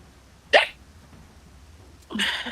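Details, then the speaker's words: Adult's hiccup during a tabletop game session, which the person says sounds like a squeaky dog toy and others mistook for a dog. "No, it's I sound like a squeaky dog toy when I hiccup."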